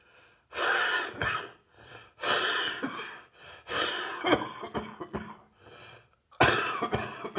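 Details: Heavy chest cold coughing: repeated heavy, harsh coughing bouts with audible breaths drawn in between.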